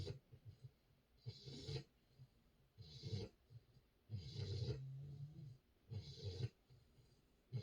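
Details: Sleeping female puppy in a diaper snoring: quick, uneven snuffling breaths with soft nasal snores and a brief low whine, about 38 a minute.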